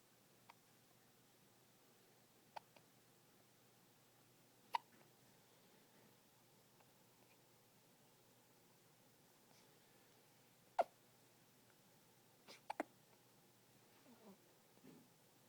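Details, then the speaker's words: Little one with hiccups, also sneezing: faint, brief hiccup clicks at irregular intervals, about six in fifteen seconds, in a very quiet room. "Bless you. Goodness. Tell those hiccups to go away. Go away, hiccups."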